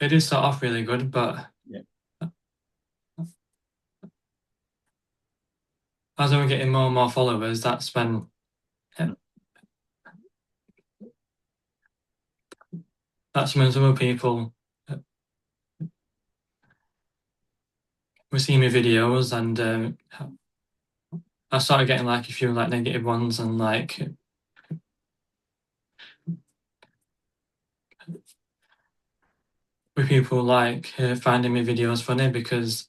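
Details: Adult who stutters, a stuttering advocate; frequent blocks and long pauses heard; real stuttering.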